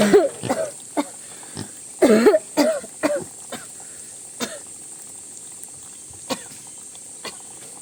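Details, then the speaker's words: Woman with worsening severe cough: repeated coughs at irregular intervals, some in short clusters, fading toward the end over faint room noise. "Ho nhiều quá đi trên nghỉ."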